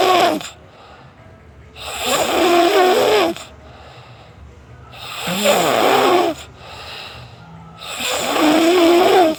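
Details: Heavy snoring: loud, rattling snores on each in-breath, about 20 breaths a minute, separated by quieter out-breaths.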